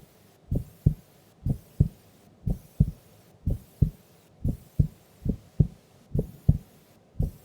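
Clear, regular lub-dub heartbeat at about 88 beats a minute with distinct first and second sounds; a normal resting heart rhythm.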